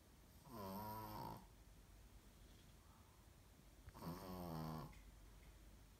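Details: Sleeping female Brussels Griffon snoring: two long, rough, buzzing snores about three seconds apart, with quiet room noise between them.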